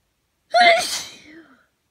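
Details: Morning hay fever sneezing before taking antihistamines, with congestion: a single forceful sneeze with a voiced 'achoo' burst, then a trailing sigh; sneezing.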